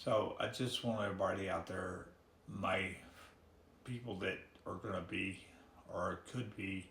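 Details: Man with ALS diagnosed in October; his speech is severely hampered, and his breathing, limbs and swallowing are also affected; dysarthria (ALS)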